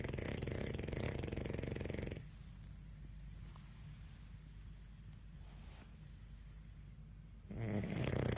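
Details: Sleeping dog snoring heavily: a loud rattling snore on the in-breath, then a quieter stretch before the next snore. Heavy snoring.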